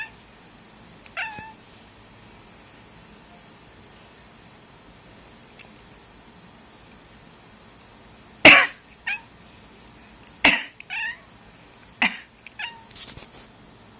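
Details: Coughing cat: a handful of short, sharp, dry coughs after a faint early vocal sound.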